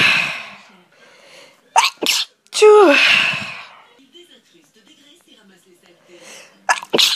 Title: multiple sneezes